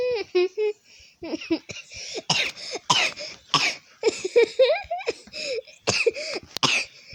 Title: Failed Noob VS Pro orca drawing skit ; I coughed HARD in it.